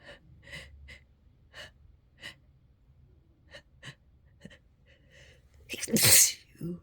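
Series of short catching breaths building up, then one loud explosive sneeze.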